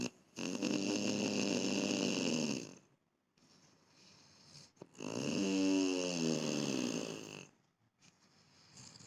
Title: Snoring...